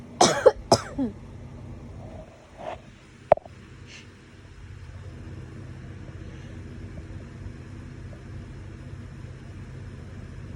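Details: Autumn allergy sneezing fit: two loud, explosive sneezes close together, then a few softer sounds, over a steady traffic-like hum.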